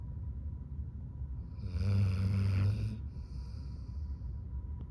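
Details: One loud, low, rattling snore on a breath in, about a second long, over a quiet room hum; ordinary snoring.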